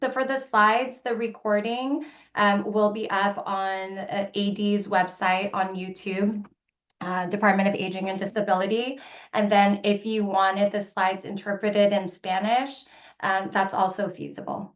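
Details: Adult woman; normal speech.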